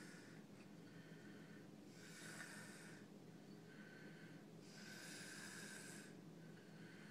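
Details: Light snoring from a sleeper who is worn out and sick: soft, breathy, rasping noises with each breath over a steady background hum.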